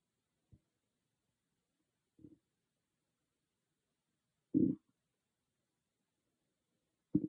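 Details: Person's stomach growling recorded on an iPhone without an ASMR microphone: four short gurgling rumbles of rising loudness in a quiet room; ordinary borborygmi, a normal bowel sound.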